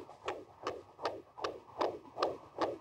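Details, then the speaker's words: Fetal heartbeat recorded with a pregnancy sensor placed on the mother's abdomen and linked to a smartphone app; rapid, regular whooshing pulses at about 155 a minute. "ça ce sont les battements du cœur d'enfetus enregistré grâce à grâce à cette application"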